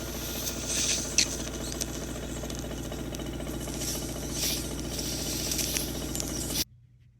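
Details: Ear wax suction removal, a lot of wax on this side: steady suction hiss with crackling, sputtering pops as wax is drawn through the tube, ending abruptly.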